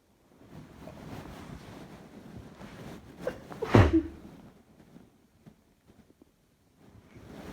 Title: Allergy sneeze